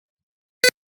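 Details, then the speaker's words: Arduino-based prototype IV infusion alarm tested in software: fluid reading dropped below 200 ml (of a 500 ml bag) triggers the nearly-empty warning, yellow LED on with an intermittent buzzer beep. "Dan kita coba turunkan lagi di bawah 200, hampir habis. Led kuning nyala,"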